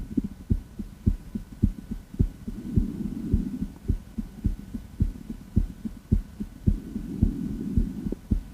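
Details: Female heart auscultated through a stethoscope during a heart tour: regular, fairly quick lub-dub heartbeat at around 105 to 110 beats a minute.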